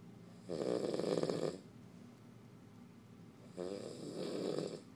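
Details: Male snoring in the dark when tired: two fluttering, rumbling snores about three seconds apart, with quieter breathing between them in a still room.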